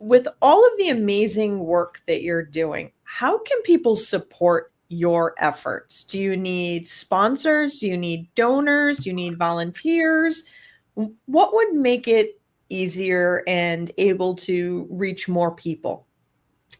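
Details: Adult woman speaking; Normal speech.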